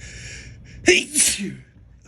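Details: Sneeze in a person who reports feeling allergic lately: brief sharp in-breath, one explosive sneeze, then a short voiced exclamation.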